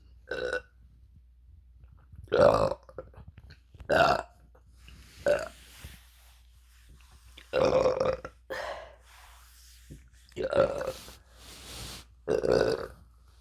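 A series of about eight separate voiced belches in a quiet room, with short pauses between them.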